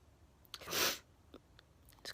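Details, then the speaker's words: A single loud, explosive sneeze with a sharp intake of breath before it, in a quiet room, from a person in a series of repeated sneezes. "i'm talking i'm gonna stop sneezing i'll stop talking to see if i sneeze i'll see if does he continue sneezing"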